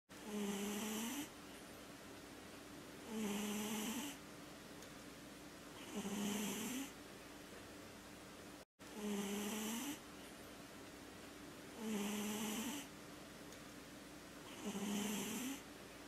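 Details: Sleeping Sphynx cat: regular rhythmic snoring with a high whistling tone on each breath, about 21 breaths a minute; snoring.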